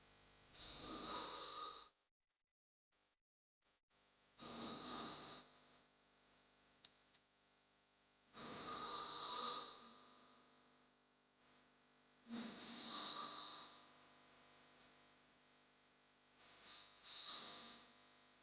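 Loud rasping breaths about every four seconds, harsh on each in-breath; heavy snoring from a sound-effect recording.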